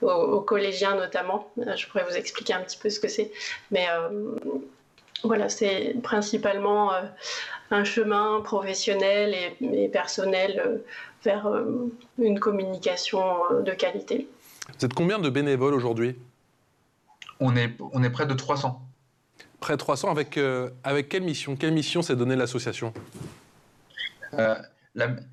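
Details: Stuttering in an adult who stutters and presides over a stuttering eloquence competition.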